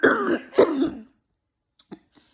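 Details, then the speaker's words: Two rough, moist throat-clearing coughs from an adult with a tracheostomy after myasthenia gravis and intubation, who is coughing while sick with flu and rebuilding tolerance to a speaking valve; then near silence with faint clicks. "And of course, I ended up getting the flu. So being coughing and being sick because of that."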